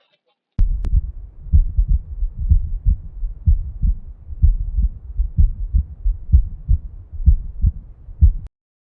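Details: Regular low-pitched lub-dub heartbeats at about 63 per minute, a normal heart's S1 and S2, played as a teaching audio example; normal heart sounds.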